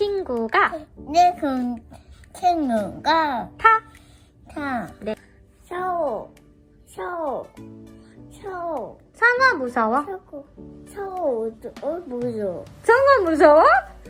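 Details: Young child imitating words, with an adult prompting; Childhood apraxia of speech.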